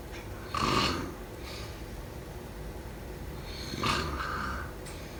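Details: Snoring.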